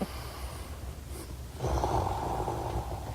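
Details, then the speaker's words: Loud snoring from an adult man, recorded by his wife during sleep. "I don't know but that snoring was just going on and on and I was like I was really apologetic I was like you know what I don't want to be a guy who snores well she taped me snoring I still can't believe this is me"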